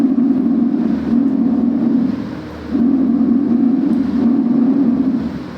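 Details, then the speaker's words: Normal laryngotracheal breath sound heard with the stethoscope over the larynx and trachea: an intense sound from airflow in large-calibre airways; tracheal breath sound (normal). "el primero es el sulo laringotraqueal lo encontramos apoyando el estetoscopio sobre la laringe y la traquea es un sonido intenso que se produce en vías aéreas de Gran cbre con el flujo de"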